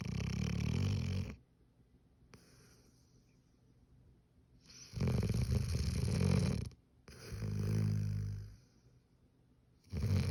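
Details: Loud, low rattling snores about every three seconds with quiet pauses, from a hound dog passed out asleep on a couch; heavy snoring.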